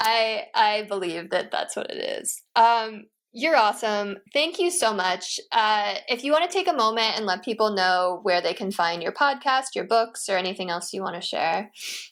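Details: Adult woman speaking; normal speech.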